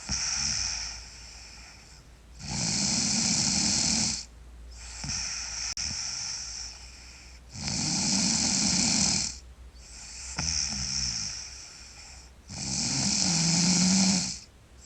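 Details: Sleeping girl snoring loudly: rasping snores on each breath in, alternating with softer breaths out, about 12 breaths a minute.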